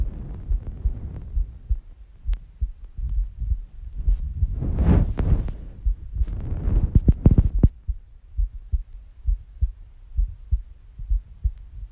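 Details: Female heartbeat recording: steady normal heartbeat, presented as relaxing heartbeat sounds.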